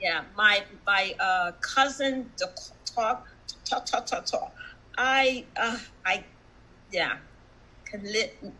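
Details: Adult woman, stroke survivor with aphasia for about one and a half years, showing word-finding difficulty and repetitions: aphasia.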